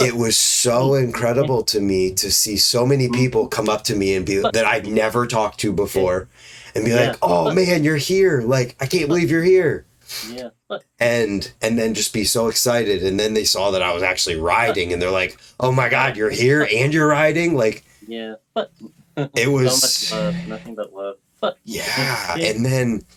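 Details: Adult male speaker; typical speech.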